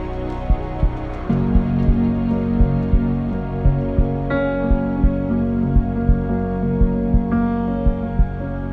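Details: Produced heartbeat sound effect in an epic music mix: soft, slow low thumps, about one per second, under sustained sad instrumental music.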